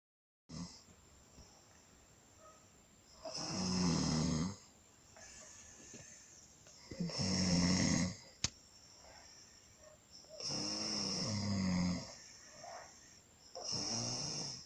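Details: Snoring: rough, rattling snores on each breath in, roughly every three to four seconds, with quieter breaths out in a small room.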